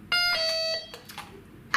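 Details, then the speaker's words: Falls monitor with recorded voice message ("please sit down and use the nurse's call button"), followed by loud electronic alarm tones as the patient stands and the magnet is pulled from the monitor. "you will notice just after the messages is admitted from the monitor it will alarm anyway"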